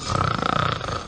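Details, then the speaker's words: Acted scene of a man snoring during sleep, attributed to sleep apnea: a single loud, rattling, fluttering inhaled snore in a quiet room. "Да, прости, милая, я не знаю, почему я храплю. Это называется опное сна."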